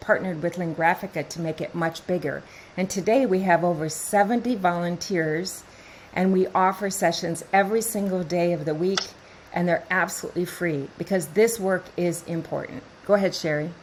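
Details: Adult woman speaking; normal speech.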